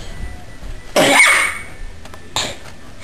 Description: My brother continues to sneeze and my cat is excited about bubbles